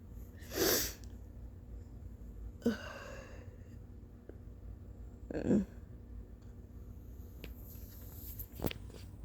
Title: Early-morning sneezes with VERY snotty nose blows (this took A LOT out of me)🤧